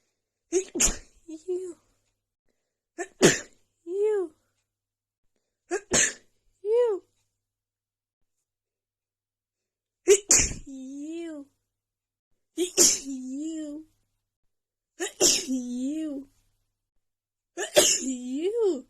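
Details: Rapid sneezing fit from seasonal allergies flaring just before spring, recorded in the morning: seven sharp sneezes about every two to three seconds, each followed by a short voiced groan.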